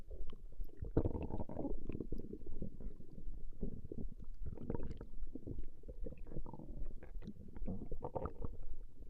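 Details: Woman's stomach growling recorded over a 20-minute session: continuous low rumbling and gurgling rising and falling without pause as gas and fluid move through the gut, normal borborygmi.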